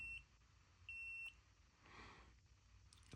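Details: Two short, high electronic beeps over quiet room noise from the select button of a CF500 laser and stimulation device while the stimulation intensity is turned down to its lowest level.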